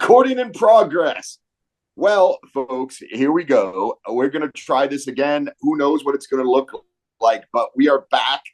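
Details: Adult male speaker; normal speech.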